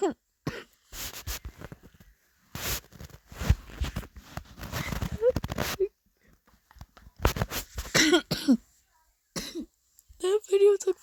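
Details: Young person with a bad cold, coughing while talking to camera: repeated loose coughs and throat clearing between bursts of speech.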